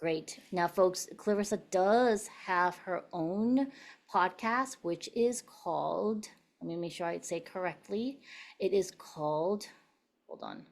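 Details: Adult woman speaking; ordinary speech.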